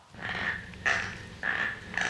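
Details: Harsh, squeaky teeth grinding during sleep (bruxism), repeated in quick succession. Bruxism is described as a sleep disorder and as the cause of inflammation; the spouse was startled by it.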